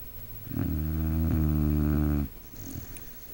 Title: Luck snoring